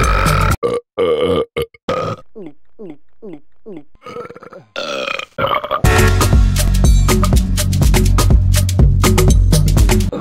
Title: Burp Sounds Funny